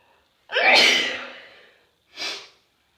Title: A few chhinkni sneezes (3/26)